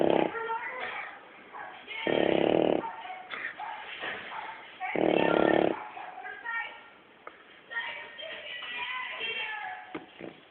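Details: Two loud, rough, rattling snores about three seconds apart from a sleeping dog, with background noise and chatter.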